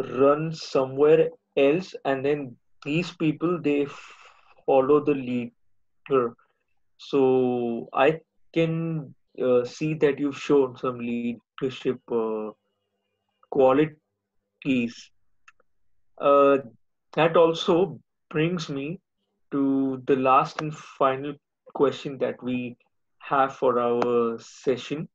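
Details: Adult male speaker; ordinary speech.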